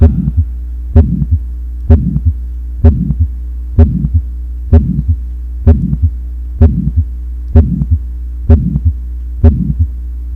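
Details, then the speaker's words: Audio track played in a quiz at a medical conference: regular heartbeat about 64 a minute, with a soft whoosh after the first sound over a steady low hum; an ejection systolic murmur. "What is this noise all about? Ejection systolic murmur. This is a cardiac murmur."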